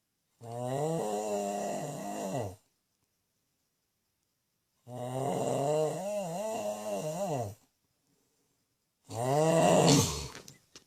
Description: My husband snores like a cow.